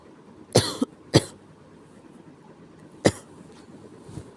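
Three separate harsh cough bursts, the first with a short trailing catch, against quiet room noise.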